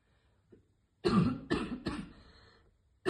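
Three harsh, forceful coughs in quick succession after a brief inhale, like choking on inhaled vapor.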